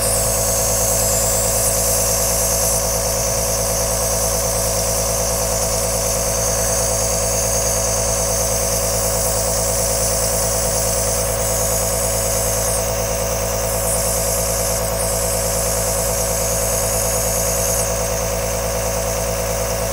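Loud, continuous buzzing motor hum with a hiss on top, steady throughout; an aerosol nebuliser compressor running.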